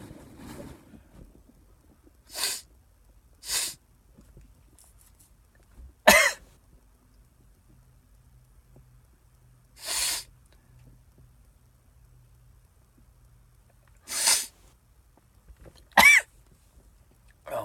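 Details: Nine sneezes provoked by sniffing cayenne pepper off a Q-tip, with burning eyes and sinuses: seven sharp, explosive sneezes separated by quiet pauses, some preceded by a brief sniff or intake; irritant-triggered sneezing.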